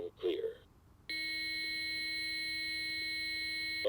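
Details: Brief voice, then a steady high electronic tone from a training AED analyzing rhythm on a simulated child in cardiac arrest (about 65 pounds, adult pad placement); hands off during analysis.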